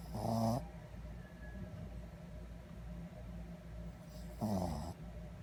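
Two loud, rattling snores about four seconds apart, with quiet breathing between, from a sleeping dog.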